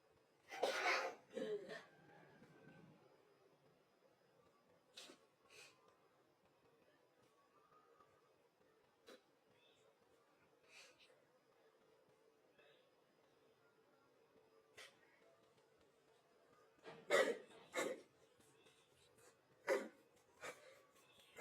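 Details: Several abrupt, forceful sneeze bursts with quieter breaths and sniffs between, slowed down, from a girl with early-stage flu; sneezing.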